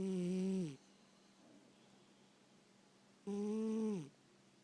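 Two drawn-out, tonal, whistling snores about three seconds apart in a quiet room, the snoring of a sleeping pet.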